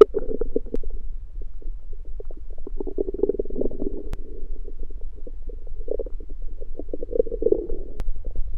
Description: This audio is a compilation of my stomach growling one night after fasting.